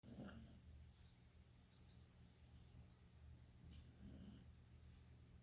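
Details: Dog snoring: low, rumbling breaths in a steady rhythm, with two louder snorts about four seconds apart; snoring.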